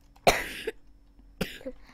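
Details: Child coughing during video-game play: two short, harsh cough bursts with a faint steady hum in the background.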